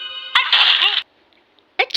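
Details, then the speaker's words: Sneeze from a sneeze compilation: a tonal sound cut off by an abrupt, forceful hissing sneeze burst, then silence and the start of another sneeze. "Он просто хотел не слышать, как я чихаю."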